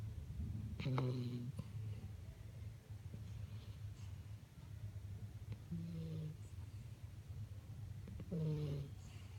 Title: Puppy snoring.